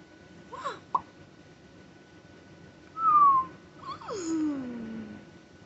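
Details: Parent in a quiet room during a tic attack that began after a stressful day, while on antibiotics, steroids and Tylenol for an ear infection and off Benadryl: sudden pops, a squeaky whistle and a falling squeal, all vocal tics.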